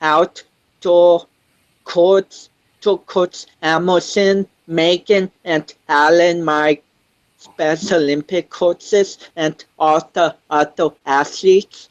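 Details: 25-year-old man with cerebral palsy since birth, which he says affects his balance, coordination and speech; doctors had told him he would never walk; real speech; dysarthric speech (cerebral palsy).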